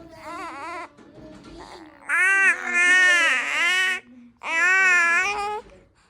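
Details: Baby crying: loud, sustained crying in several long wails with brief pauses between; an ordinary infant cry.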